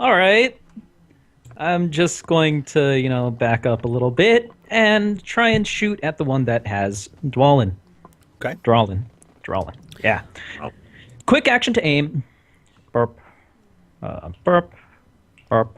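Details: Adult male speaker; ordinary speech.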